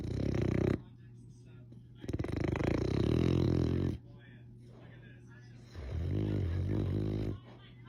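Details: Loud, rattling, low snores on each breath with quiet pauses between, from a sleeping Olde English Bulldogge at naptime; snoring.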